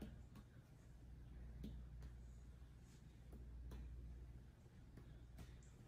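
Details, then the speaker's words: Normal tympanic abdominal percussion over the four quadrants of a female patient, done by a student nurse, whose bowel sounds were noted to be hyperactive: quiet, sharp finger taps with a hollow, drum-like tympany. "and so I hear timpani, so that's a normal finding."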